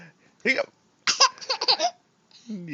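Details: A laughing child with hiccups: brief voiced catches mixed with giggling.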